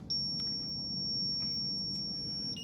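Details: Zoll R Series ALS defibrillator charging in synchronized cardioversion mode at 75 joules during a staff in-service demonstration: steady high-pitched electronic charging tone with faint room noise.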